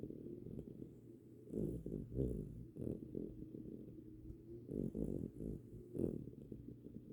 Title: Winston snores